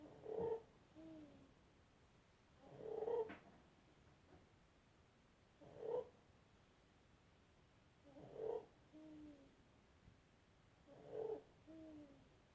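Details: 7-month-old infant with laryngomalacia: noisy, fluttering inspiratory stridor with each breath in, about 22 breaths a minute.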